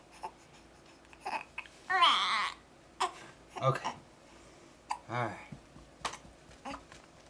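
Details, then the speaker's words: Baby boy with hiccups while being held and burped, seeming fussy and upset: brief, abrupt voiced catches repeating about every second between fussy infant sounds; infant hiccups. "oh M you got the hiccups are you getting mad are you angry you got a burp man"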